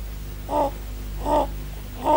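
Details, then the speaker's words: Inspiratory stridor in a sick child with acute respiratory infection, assessed while calm: harsh noise with each breath in, about three breaths in two seconds, over a steady low hum; upper airway narrowing, as seen in croup syndromes. "Stridor is a harsh noise produced when the sick child breathes in."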